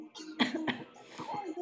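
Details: Two short, harsh coughs close together from a sick young woman, followed by faint voice and room noise.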